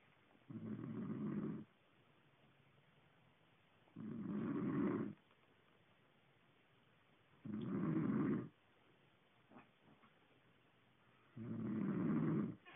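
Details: Sleeping person: four rough, rumbling snores on the in-breath with quiet gaps, about 17 a minute; ordinary snoring.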